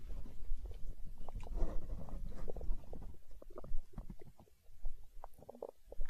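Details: Stomach growling (borborygmi) recorded for ASMR, tagged as hunger sounds: low rumbling and gurgling with irregular bubbling pops over several seconds.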